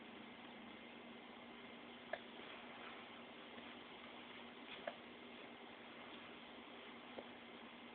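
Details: Three brief, faint clicking hiccups a few seconds apart over steady background hiss, from a pet named General Madison.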